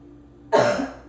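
A single short, harsh cough from an adult, rising sharply and fading over half a second, a cough with a cold.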